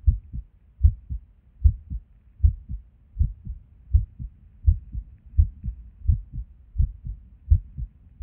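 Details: Resting heartbeat recorded while sitting at a desk, often skippy with and without reason. Low paired thumps around 80 a minute with uneven spacing between beats; irregular heartbeat with skipped beats.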